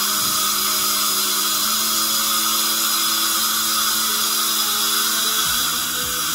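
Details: Dental drill preparing a cavity for a filling in a boy under local anaesthetic: high-pitched, steady whine with a brief pitch drop near the end.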